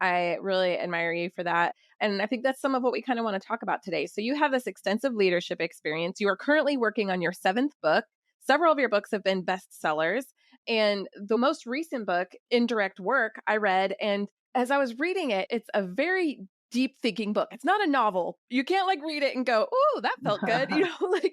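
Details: Adult woman; typical speech.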